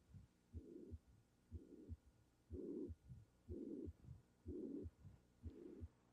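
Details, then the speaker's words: Heard over the tricuspid area at the lower left sternal edge, augmenting during inspiration; regular heartbeat near 60 a minute with a blowing murmur filling the gap between the two heart sounds; tricuspid regurgitation murmur. "What happens is that when the patient breathes in intrathoracic pressure drops more blood back to the right heart during inspiration, hence augmenting the murmur of tricuspid regurgitation."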